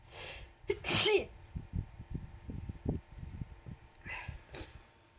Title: Sneezing on the bed #sneeze #sneezy #allergy #nonstopsneezing